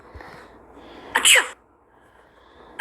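One sharp, explosive sneeze against quiet room noise.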